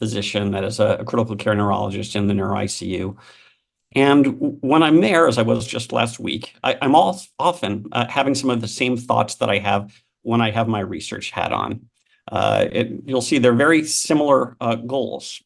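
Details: Adult male speaker; normal speech.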